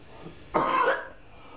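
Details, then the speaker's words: A single loud, rough cough with a wet, rattly quality, demonstrating a productive (wet) cough with secretions, which may follow a dry cough in airway infections with postnasal drip. "toux là c'est une tout grasse voilà donc il y a des sécrétion voilà ça c'est la T grasse"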